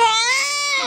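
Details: Newborn girl just after birth, head circumference 35 cm, recorded weight 3695: a single sustained, clear, high-pitched wail, a vigorous normal first cry.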